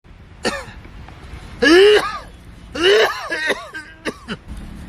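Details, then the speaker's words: Adult man gives about five loud, voiced, groaning coughs in quick bursts; exaggerated acted coughing in a comedy skit, not a real patient. "क्या हुआ रे? इतना खंस रहा है?"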